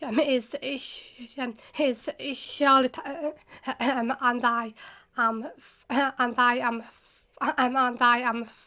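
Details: Child aged about 10 to 13 attending a two-week course for children who stammer; word and phrase repetitions heard; stammering (stuttering).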